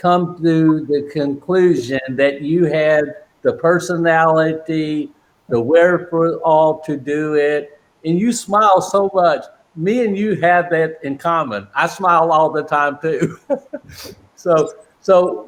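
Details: Male with non-fluent aphasia since a stroke during heart valve surgery in 2007, initially able to produce only two single words; aphasia (post-stroke).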